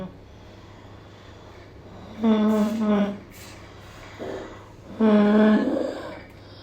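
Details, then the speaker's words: Acute laryngitis seen in a pediatric emergency setting: two harsh, high-pitched musical breaths from turbulent airflow through an inflamed larynx, heard on inspiration; inspiratory stridor. "Ese sonido se llama estridor, característico de la laringitis. Como pueden ver en la imagen, está originado de una laringe inflamada que causa un flujo de aire eh turbulento y es característico de la inspiración."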